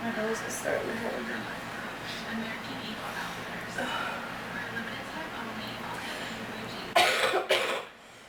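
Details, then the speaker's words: Person who is sick, reporting bad allergies and a sore throat: quiet murmuring in a room, then two or three harsh coughs near the end. "My allergies are so bad. I'm so sick. It's so bad. Mm. I wish I had some cough medicine."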